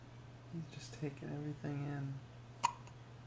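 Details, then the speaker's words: Baby boy with hiccups lasting about 5 minutes, recorded on a Flip Video camcorder: soft baby vocal sounds, then a single sharp, abrupt hiccup click; hiccups. "Hiccups are all gone. The cuteness is gone. Well, no, cuteness isn't gone, but the hiccups are."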